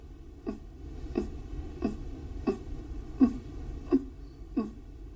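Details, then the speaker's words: A child with pneumonia makes short, low expiratory grunts with each breath out, about 80 a minute; this is expiratory grunting, a pneumonia warning sign. "Un enfant souffrant de pneumonie fera souvent le bruit suivant en expirant. Cela s'appelle grognement."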